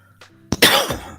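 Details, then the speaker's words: Adult's single short, sharp cough in a quiet room; a lingering cough after a cold, said to come on when the room gets chilly and cold air reaches the lungs. "hang on a sec here yeah so as you can hear the lingering cough"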